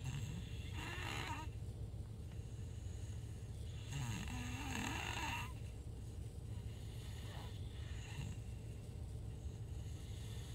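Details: Snoring: irregular whistling, rasping breath noises over a steady low rumble and background noise.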